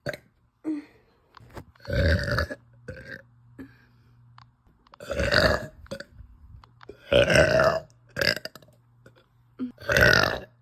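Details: Woman bloated after eating pasta, with uncontrollable nauseous burping: repeated loud, drawn-out belches, about five in ten seconds, with quieter breaths between.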